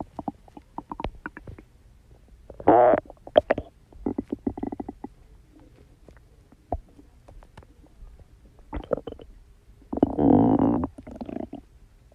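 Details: Stomach growling (borborygmi): irregular gurgling and rumbling from an adult's abdomen as gas and fluid move through the gut.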